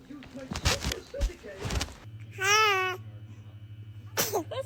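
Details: Newborn baby, a dramatic sneezer, gives small sharp sneeze bursts, then a brief wavering cry-like squeal, with adult laughter; infant sneezing.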